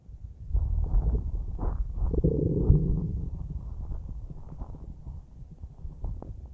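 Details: Normal bowel sounds recorded about a minute after eating a huge bowl of spaghetti: low rumbling and gurgling from the stomach, a longer churning gurgle, then small soft gurgles.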